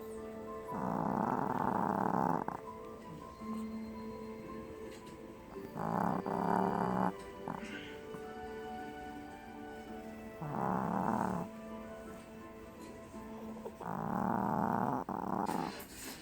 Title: Snoring BoBo